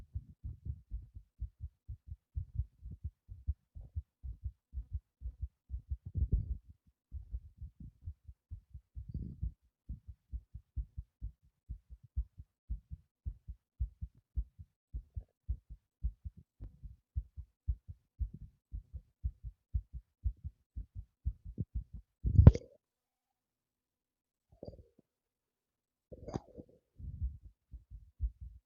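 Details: Fast heartbeat after prolonged breath-holding: quick, regular low heart thumps heard through the chest, fast but steady; a short series of skips is reported felt after releasing the breath; sinus tachycardia.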